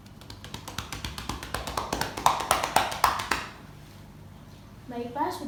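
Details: An anaesthesiology nursing student does practice chest physiotherapy on an adult man's back, about 1–2 minutes of chest percussion (clapping). Rapid hollow claps come about four per second, followed by a brief voice.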